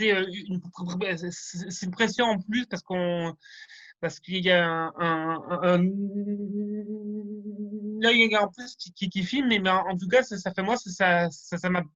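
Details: Stuttering in a person who stutters, heard during a semi-final speech rehearsal, with sound and word repetitions: stuttering.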